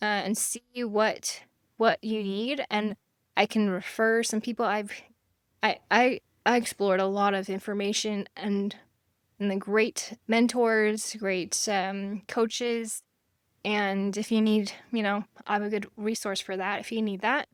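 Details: Aphasia after stroke in a woman, living with it since 1999 (over 25 years); she can sometimes spell a word but cannot pronounce it or form words together; no cure, explored meditation and hypnosis.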